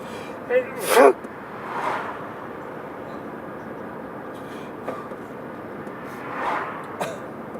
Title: Another sneezing fit by driving